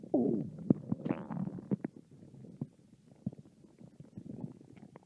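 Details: Stomach growling from a hungry American girl: a squeaky, gurgling growl, then scattered soft gurgles and pops, normal bowel sounds (borborygmi).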